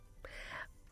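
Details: A single short cough, a sudden forceful burst of air lasting about half a second, played as an example cough sound on an Arabic radio health programme with a chest-disease consultant.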